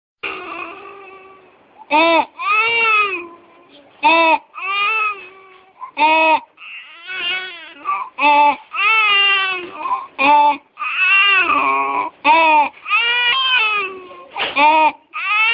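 A young child cries, with a harsh, high-pitched squeak on each in-breath: inspiratory stridor from croup.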